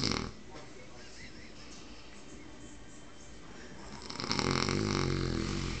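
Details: Deeply asleep person snoring: a short snore, a quiet pause, then a long, low, rumbling snore over background noise.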